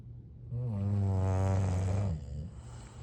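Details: Sleeping English bulldog snoring: one deep, rumbling, resonant snore lasting about one and a half seconds, with low room noise around it.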